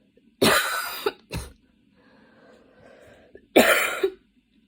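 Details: Coughing fit that came on suddenly on a Saturday afternoon while studying and worsened until studying had to stop, with frequent position changes: three harsh coughs, two close together, with faint noisy breathing between.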